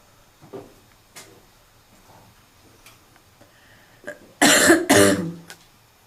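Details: Female smoker with seasonal smoker's cough: quiet throat noises, then two loud harsh barking coughs.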